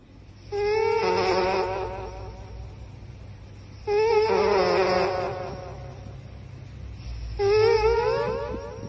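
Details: Compilation of cats and dogs sleeping and snoring very loudly, the snores sounding more like rock concerts than peaceful naps; snoring.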